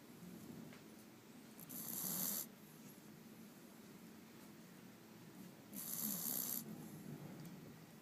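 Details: Foster puppy sleeping soundly and snoring: soft, rattling snores on two breaths, roughly 15 a minute, in a quiet room.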